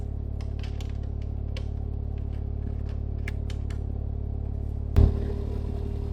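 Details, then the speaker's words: Steady low motor hum with light clicks and one thump near the end from a Respirox KSW-5 oxygen concentrator with nebulizer (5 L/min); nebulizer compressor running. "nebulizatör özelliği için cihazın arkasında bulunan atomizer kısmının kapağını açarak tedavinizi alabilirsiniz"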